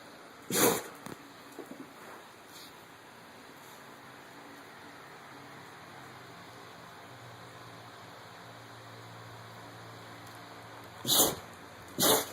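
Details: Dog named Maddie that has been sneezing for ten minutes: three short, sharp sneezes, one near the start and two close together at the end.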